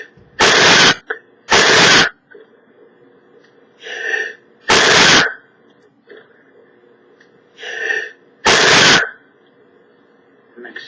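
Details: Man sneezing: four loud, explosive sneeze bursts with softer breathy sounds between them in a quiet room.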